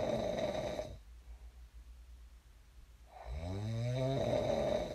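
A single loud, rumbling snore on a breath in, with quiet breathing before it; ordinary snoring during sleep.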